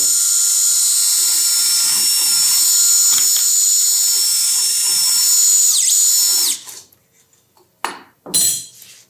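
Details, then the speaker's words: Continuous shrill power-tool whine for several seconds, then short bursts: intramedullary reaming of the tibial canal with a flexible shaft, starting with the smallest reamer because of the narrow isthmus, tendon shielded by a soft-tissue protector, before tibial nailing. "Paso siguiente, montamos el árbol flexible con las respectivas fresas. Empezamos por la más pequeña siempre, ya que la tibia tiene un istmo bien estrecho. Con ayuda de un protector de tejidos blandos protegemos la parte tendinosa y empezamos el rimado intramedular."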